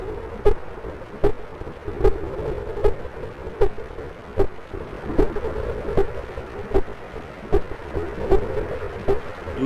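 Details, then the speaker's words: Heart sounds recorded at the chest after exercise: regular heartbeats, about 77 a minute, through a steady hiss. "so this i recorded yesterday someone just did some exercise"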